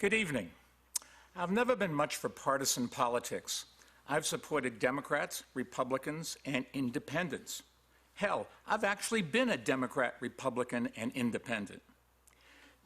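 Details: Adult man; normal speech.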